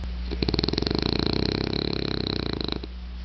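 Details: French bulldog snoring while sleeping: a single long, fluttering, rattling snore.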